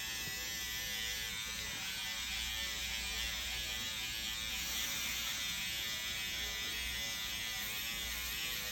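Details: SkinPen microneedling pen on the nose of an adult man during a PRP cosmetic treatment, with ProNox; he reports pain of 2–3 out of 10: steady, high-pitched electric buzzing running continuously against the skin.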